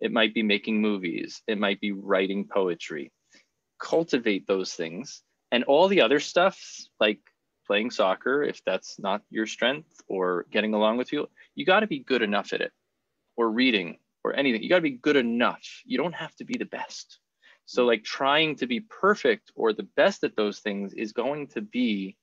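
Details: Adult male speaker; typical speech.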